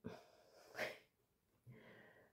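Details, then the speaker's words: Adult man coughs in the background: a sharp opening burst, then a louder harsh burst, with a faint voiced sound afterward; single cough episode. "Vous entendez, ça c'est monsieur qui tousse. On ne se demande pas pourquoi."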